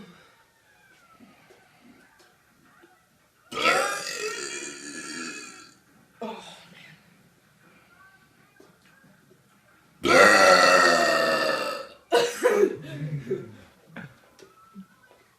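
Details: Two prolonged, loud, rumbling belches of about two seconds each, followed by shorter burps and brief vocal sounds; burping.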